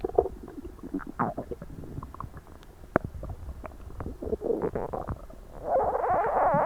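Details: Frequent gurgling and bubbling stomach noises with rising, squeaky rumbles from an achy, tight, overstuffed belly, recorded right after a large Christmas dinner: active borborygmi (bowel sounds) of digestion.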